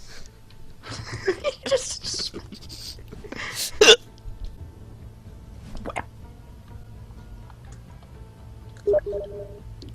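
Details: A few sharp, abrupt hiccup sounds amid background music and talk: hiccups.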